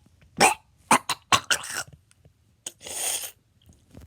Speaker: today we are doing the 10 most annoying sneezes ever.